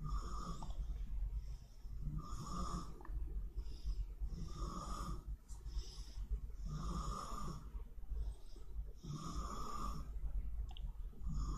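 Regular rough, low snores about every 2.3 seconds, roughly 26 breaths a minute, over steady room hum; ordinary adult snoring.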